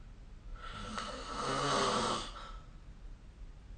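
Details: A single rasping snore on an in-breath, rising and fading over about two seconds against quiet room hiss, recorded with the SnoreLab snoring app during sleep. Snoring.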